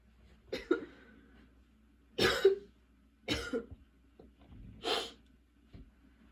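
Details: Four harsh coughs about a second apart with throat clearing between, in a quiet room: a repeated coughing fit from a person whose persistent cough continues despite medication.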